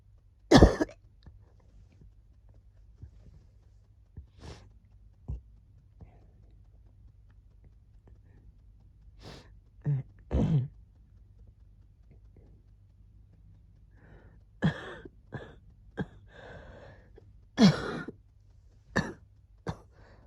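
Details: Pet with a cold, recorded as its wheezing was settling; scattered short, sharp coughs and huffs with quiet pauses between; cough with a cold.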